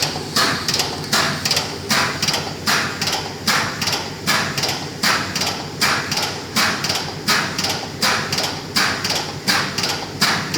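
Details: An enhanced external counterpulsation (ECP) machine running during treatment, with cuffs on the patient's calves and upper thighs, pressure near 300 and an augmented diastolic waveform: regular, rhythmic, heartbeat-timed whooshing air bursts about 78 per minute.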